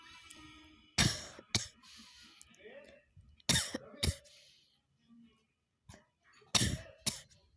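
Three bouts of harsh coughing, each a strong burst followed by a smaller one, separated by quiet gaps; repeated cough.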